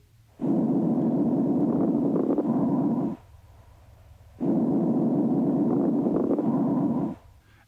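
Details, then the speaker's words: Long, rough breath sounds through a stethoscope with brief, scattered popping crackles in each breath; fine crackles are soft, high-pitched, very brief, often with congestive heart failure. "crackles are intermittent non-musical and brief like dots in time fine crackles are soft high pitched and very brief and often accompany congestive heart failure"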